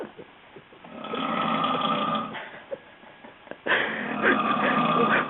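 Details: Loud, rough, rattling snores from an adult sleeper, in two long breaths separated by a quiet pause.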